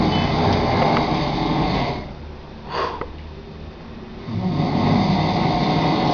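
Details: Massive heavy snoring: loud, deep, rumbling breaths on either side of a quieter gap, with the recording overloaded by the volume.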